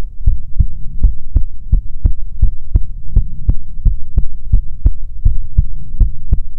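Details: Heartbeat recording for ASMR: loud, deep, paired heartbeat thumps, about 86 a minute and steady, over a low hum.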